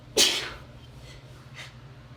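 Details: Sharp, wet, spraying hay fever sneeze from a female, followed by two faint sniffs over steady room noise: sneeze.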